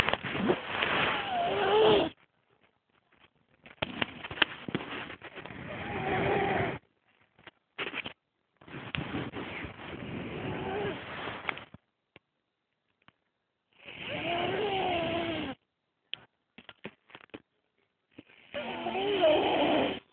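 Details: Napping subject making weird snoring noises: long, rough, buzzing breaths every few seconds with quiet gaps; unusual high-pitched snore.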